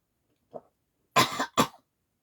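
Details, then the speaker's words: Woman with a "frog in the throat" and hoarse voice, drinking doesn't help: faint throat sound then two harsh coughs, the first drawn out and rasping like throat clearing. "J'ai un chien dans la gorge. Je suis désolée si ça vous va pas que je tousse."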